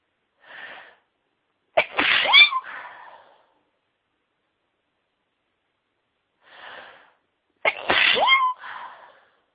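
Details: Woman in a sneezing fit: two high-pitched sneezes, each with a brief breathy intake before a sharp squeaky burst; ordinary sneezing.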